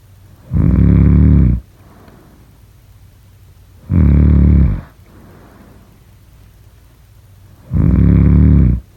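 Loud, low rattling snores on each in-breath, about 17 a minute, with quiet breathing out between them: snoring during sleep.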